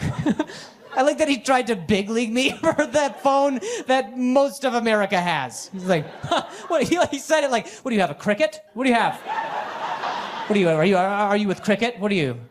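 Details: Adult male stand-up comedian with a severe stutter for over 10 years, which he ties to anxiety and links to a traumatic brain injury from being hit in the throat by a softball; stuttering.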